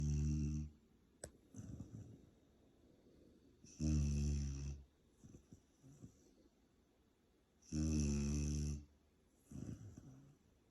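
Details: Silver Labrador retriever dog asleep, with deep rumbling snores about every four seconds (roughly 15 breaths a minute) and softer exhalations between; snoring during sleep.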